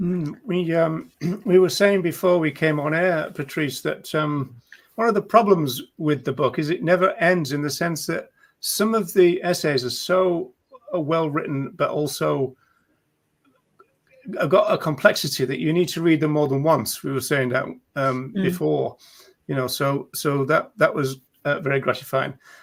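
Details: Adult speaker; normal conversational speech.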